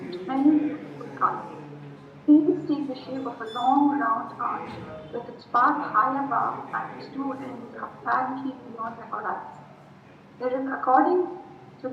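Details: Voice of a 45-year-old woman with unilateral vocal fold paralysis reading the Rainbow Passage 18 months after reinnervation surgery plus voice therapy; her voice was improved but not fully recovered at one year.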